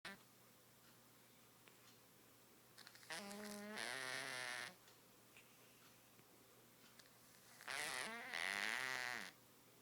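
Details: A congested pet cat, already seen by a vet, gives two loud, buzzing, honking snores while sleeping, typical of snoring through a blocked nose. The owner likens it to a cow, duck and farting machine.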